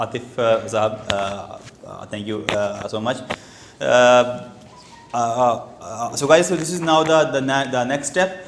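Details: Stuttering (stammering) in an adult man who has stammered since age two.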